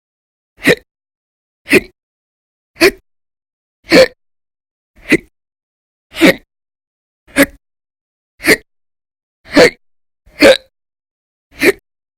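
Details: Audio-only recording of violent, very loud persistent hiccups, in daily bouts lasting about 10–13 hours in December 2019: sharp abrupt gulping hiccups about once a second, roughly 54 a minute, fairly steady.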